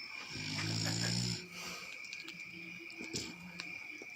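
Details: A loud, rough, rumbling snore from a sleeping friend, lasting about a second, then quieter breathing against a steady high background whine; snoring.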